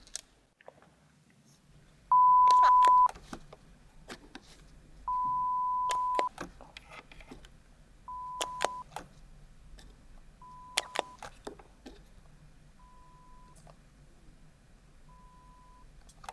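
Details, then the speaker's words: Pure-tone audiometry at a real Thai ear clinic, starting with the right ear, to find the softest audible tone: steady beeps of about one second, each quieter than the last, with the patient's response-button clicks between them. "Parce que nous voulons tester le son le plus faible que vous puissiez entendre ."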